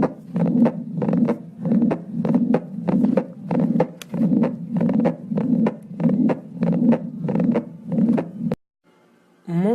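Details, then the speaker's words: Regular heartbeat near 95 a minute with a very faint first heart sound, because the mitral valve fails to close, and a blowing noise between beats; soft S1 in mitral regurgitation. "فما دام انفتح لورا ما في صوت، حيطلع عندي الصوت جدا جدا جدا واطي. اسمعوا لي إياه."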